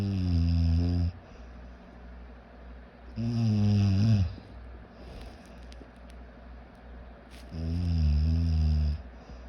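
Loud, low, rattling snores on each breath in, about 13 a minute, with quiet breathing out between them.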